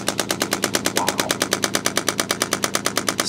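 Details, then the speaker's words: Rapid, even mechanical popping, about three pulses a second, as a chiropractic assistant applies radial pulse shockwave to trigger points for right-sided neck and shoulder strain, holding 30–45 seconds on reactive spots; radial shockwave therapy device in operation. "with the shock wve you know we do a little bit of feeling around like so but once we find those good spots we're just going to hang out in that spot for a good 30 to 45 seconds"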